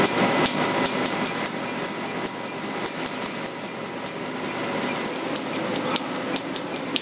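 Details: Laser tattoo removal on a former gang member at a medical spa: rapid, steady snapping clicks about two or three a second over a constant hiss; laser pulses firing during treatment.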